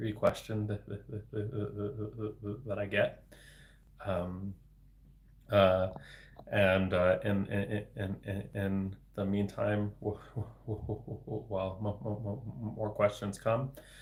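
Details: Adult man, a speech-language pathologist, with developmental stuttering including word repetitions, speaking live in a solo livestream; stuttering.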